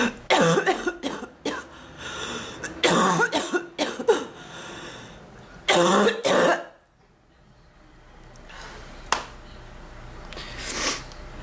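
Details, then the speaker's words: Repeated bursts of harsh, throaty coughing with throat clearing and pauses, about seven coughs, from an adult woman with an ongoing cough, worse than her earlier bronchitis, complaining of chest discomfort; a persistent cough. "I want to stop coughing, please. Oh, my chest."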